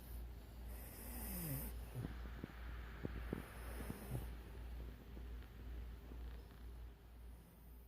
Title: Cute Dogs Snoring